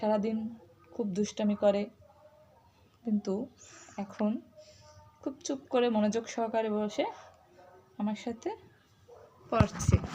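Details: Adult woman speaking Bengali; typical adult speech.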